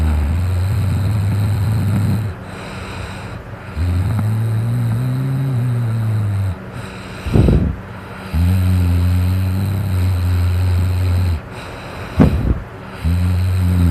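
Loud, low, rumbling snores about three seconds long with brief snorting breaths between; heavy snoring, roughly 13 breaths a minute.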